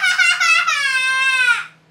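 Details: Young girl gives a loud, high-pitched wailing cry of pain during ear piercing.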